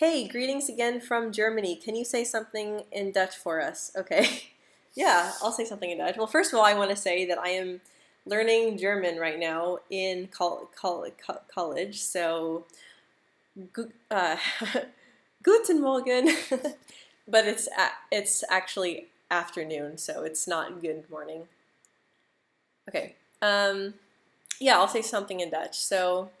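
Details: Adult woman who stutters, speaking live; she describes her move from the US to the Netherlands as a very stressful period; stuttering.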